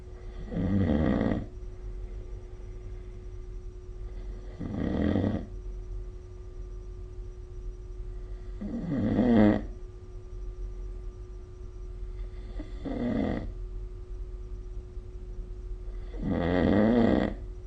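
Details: Recorded with the SnoreLab app during sleep: loud, rough inhaled snores about 8 per minute with faint steady room hum between; snoring.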